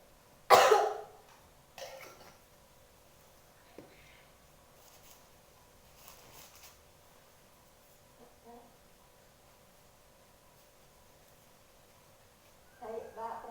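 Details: Simulated nursing OSCA exam of the effective-cough procedure: an adult male patient, one hand on chest and one on abdomen, takes deep breaths, then gives one strong forceful cough, a weaker second cough and throat noises in a quiet room.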